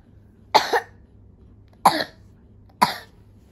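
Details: Young girl with a slight cough gives three short, dry coughs about a second apart in a quiet room; mild cough.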